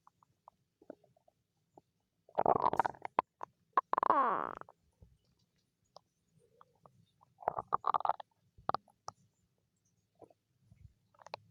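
Gurgling, bubbling abdominal rumbles in a few bursts with quiet gaps between; ordinary stomach growling.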